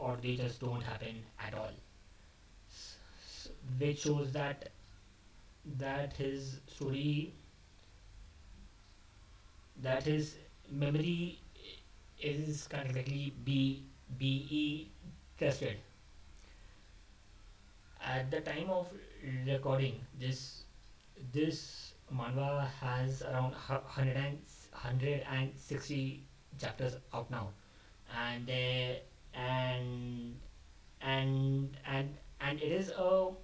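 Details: Adult male who stammers, speaking unscripted, which he says increased his stammering; word repetitions audible. Finding: stuttering.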